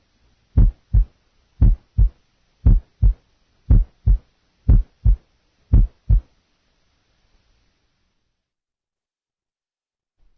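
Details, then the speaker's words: Normal single second heart sound heard at the left lateral sternal border. "listen now to a normal second sound at the various oscillatory sites left lateral sternal border single second sound"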